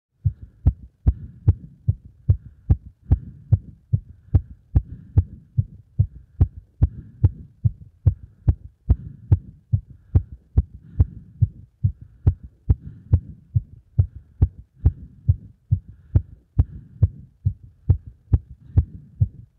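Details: Heart sounds after exercise and during squats: fast, strong, regular heartbeat at about 140 beats a minute; a normal heart speeding up with exercise.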